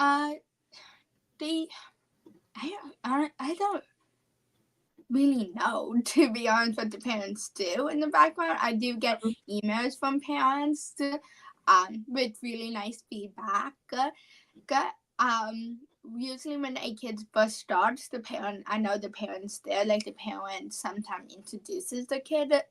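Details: Apraxia of speech, a neurological speech disorder, in a 17-year-old female high school senior.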